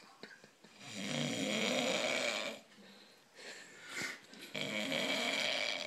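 A sleeping dog snores with two long, raspy, buzzing inward breaths and a quieter breath between them: ordinary snoring.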